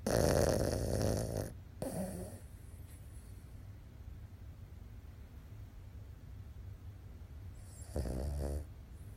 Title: Chi snoring